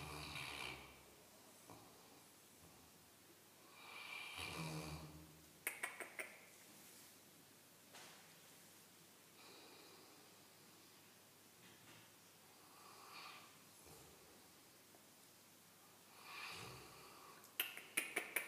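Soft, rough snoring breaths repeat through the stretch, with snorty rattles on some breaths from a sleeping large dog; faint room noise.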